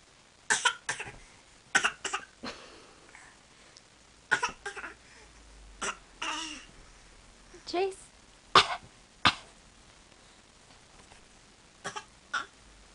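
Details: Short, sharp playful coughs traded back and forth: a young child (Chase) imitating a parent's cough, voluntary mimicry rather than illness.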